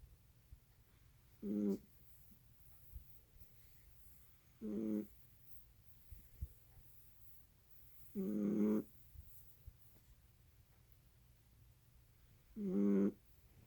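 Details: Snoring: four short buzzing snores at irregular gaps of three to four seconds, about 14 a minute, over quiet room noise.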